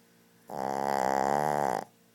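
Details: Shih Tzu dog snoring very loudly while asleep: a single loud, buzzing, vibrating snore lasting over a second.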